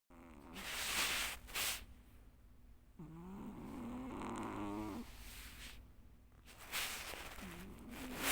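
Breathy, rattling snores in a sleeping cat, with a few soft grunting sounds between breaths.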